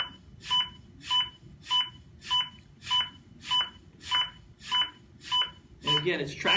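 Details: Zoll AED Plus demonstration during CPR after a shock was delivered: steady paired electronic beeps at about 100–105 per minute in a quiet room, the metronome pacing chest compressions; CPR metronome pacing tones.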